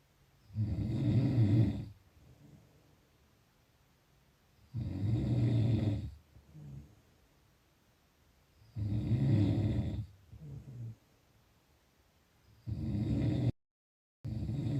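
Loud rough snores on each breath in, about fifteen a minute, with quieter breaths out between; snoring.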